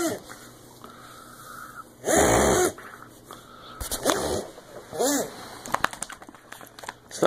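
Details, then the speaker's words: Dog reverse sneezing, mistaken for a seizure and confirmed as reverse sneeze by veterinarian from the video: loud harsh snorting inhalation followed by shorter honking snorts. "I'm happy to announce what you just witnessed is what they called a reverse sneeze it looks horrible but it's not a seizure it's actually a fairly common part of a dog's life"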